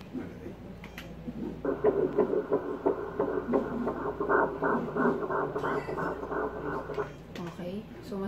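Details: Ultrasound scan at ten weeks of pregnancy in a first-time mother: rapid, regular whooshing pulses at about 174 per minute, with room noise. A normal fetal heart rate.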